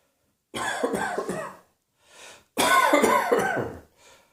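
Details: Two bouts of harsh, rapid coughing, each with several bursts, separated by a brief breath in.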